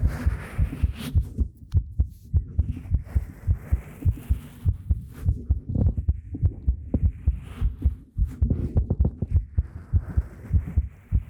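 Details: Heartbeat sound in an ASMR recording made with a 3Dio Pro binaural microphone: steady low thumping beats at about 100 a minute with some rustling noise over them.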